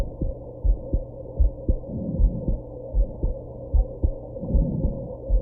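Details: Regular paired heart sounds at about 80 a minute over a low background hum, recorded after drinking some alcohol and smoking during a bout of hiccups; heartbeat.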